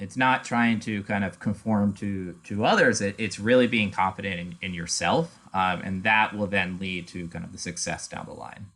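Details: Adult male speaker; typical speech.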